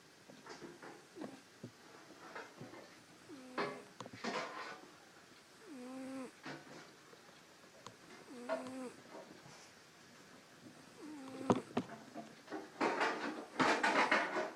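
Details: Sleeping cat snoring with a squeaky, whistling note on each breath, roughly every two and a half seconds.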